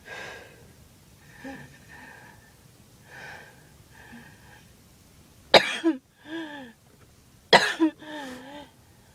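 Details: A girl makes soft, breathy voiced sounds, then two sharp cough bursts, each trailing into a moaning sound; she reports chest pain and had thought it was just allergies.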